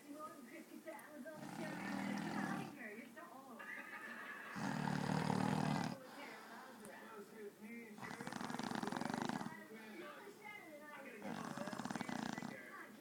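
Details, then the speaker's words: Loud, rasping snoring on each breath in, about four breaths in thirteen seconds, from a tired man; heavy snoring. "Okay, so this guy is stupid, snores. So I figure everybody in the world should hear it."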